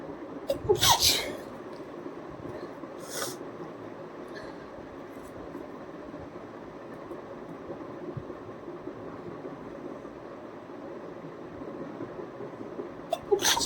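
A few sudden, sharp, explosive sneezes separated by quiet room noise; sneezes performed on purpose for a challenge.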